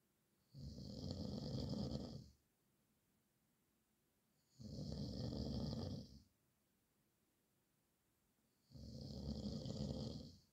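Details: Three loud, rough, low rattling snores about four seconds apart, with quiet pauses between; heavy snoring.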